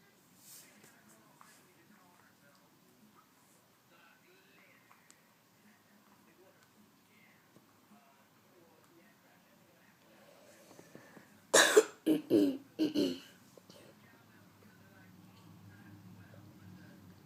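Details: After a long quiet stretch, a quick run of four harsh throat-clearing bursts, then quiet again. Throat clearing.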